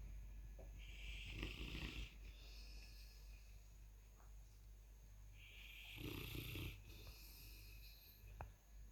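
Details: Two loud, rattling inspiratory snores with a raspy flutter over a steady room hum; a sleeping 155 lb Presa Canario cross puppy that snores very loudly.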